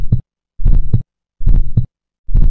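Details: Simulated heartbeat with a low extra sound just before the first heart sound: a fourth heart sound (S4 gallop), which may be physiological or indicate pathology.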